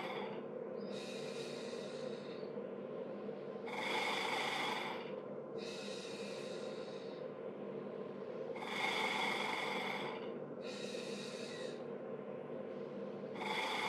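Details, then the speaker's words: Airway clearance demonstrated with an Acapella vibrating PEP device, sets of 15 breaths: repeated forceful exhalations, each a fluttering rush, about five breaths, forceful enough to feel vibrations through the lung fields. "Exhale out forceful enough that you can feel good vibrations throughout their lungs Fields if you do not feel that I have them glow harder"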